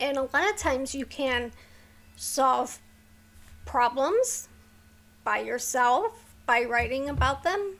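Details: Woman with a neurological condition causing tremor of the hands, voice and head, plus mild tardive dyskinesia; she strains to talk because of it, making her throat sore: vocal tremor.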